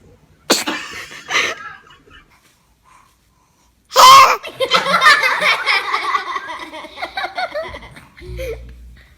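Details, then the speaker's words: Infant sneezing: two small, sharp sneezes, then a louder burst followed by laughter and chatter. "Ay, ay, ay, esos estornudos. God bless you."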